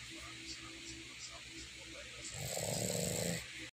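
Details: A Boston Terrier dog snoring.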